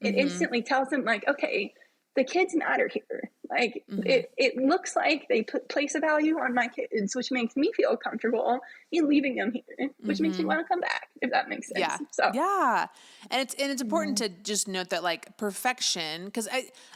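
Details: Spasmodic dysphonia, which the adult woman herself describes as a vocal cord spasm, heard in her speech during a podcast interview.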